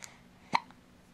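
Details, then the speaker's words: Baby girl with hiccups: a single sharp, abrupt hiccup with a faint second catch after it; ordinary infant hiccups. "oh my goodness why did we get the hiccups when we were gonna make a video huh we're so silly"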